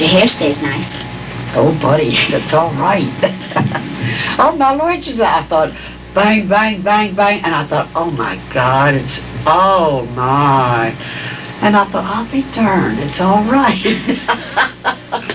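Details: Patient with semantic dementia, with impaired understanding of word meaning, producing fluent but empty, repetitive speech; semantic dementia.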